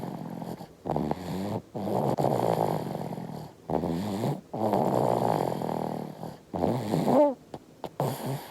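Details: 5-month-old baby snoring in sleep, appearing to drink milk in a dream; repeated rattling, snorting snores in quick succession with short pauses.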